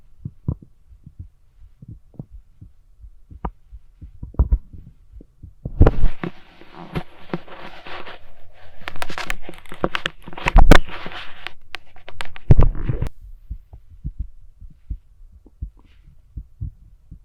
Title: Woman's Passion: Listening to Heartbeat with Stethoscope! #shorts